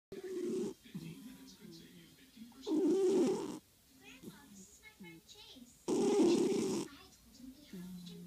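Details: An overweight cat in REM sleep snoring very loudly: three big rattling bursts roughly every three seconds, with quieter breathing and small sounds between; snoring.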